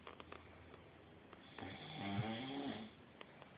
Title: snoring ass